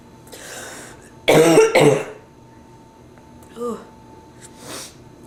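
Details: Two harsh, forceful coughs in quick succession, then quiet breathing and a small throat sound, from a sick female with bronchitis, stuffy nose, sore throat and feeling feverish; bronchitis cough.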